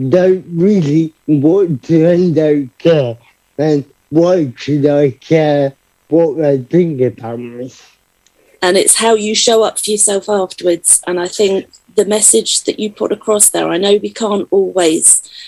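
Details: Adult man, about 30, with cerebral palsy who describes himself as having a speech impediment and makes his own phone calls; dysarthria (cerebral palsy).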